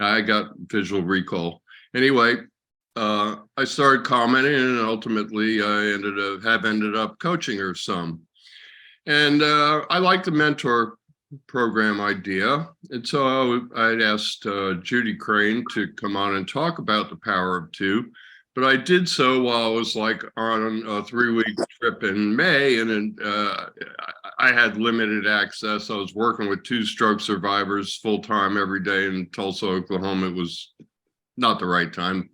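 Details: Adult male speaker; normal speech.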